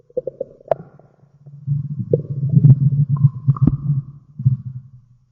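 Low gurgling rumbles with bubbly pops and a long rolling growl from the belly: ordinary stomach growling (bowel sounds).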